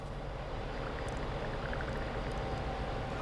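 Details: CAIRE AirSep NewLife Intensity 10 oxygen concentrator running to give a baby oxygen through nasal prongs at the prescribed flow rate: steady low mechanical hum with faint rapid pulsing as oxygen flows.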